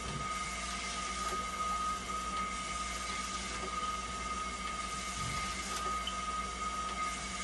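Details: Steady mechanical hum with a constant tone and faint periodic clicks from a hemodialysis machine running a test after a part replacement to fix a flow error, as conductivity and temperature stabilise.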